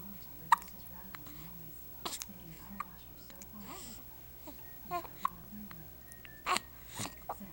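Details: Short, abrupt catches in the breath recur every second or so in an infant, among soft infant noises and murmuring in the room; infant hiccups.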